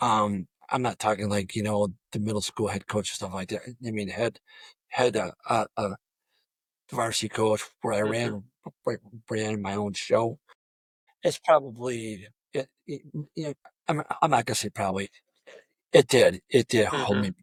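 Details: Adult male high school football coach who has stuttered throughout a career of over 34 years, reporting blocks on the letter D; stuttering.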